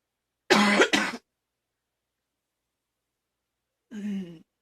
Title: Girl coughing 228